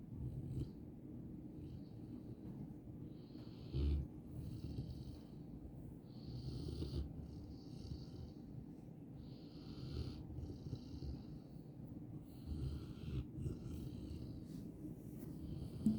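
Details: An English Mastiff puppy asleep gives low, rumbling snores with each breath and soft hissing between them. Snoring.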